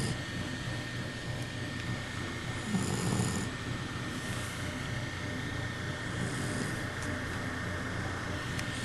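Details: Overweight Puggle dog asleep: soft, low rumbling snores recurring every couple of seconds over a steady background hum.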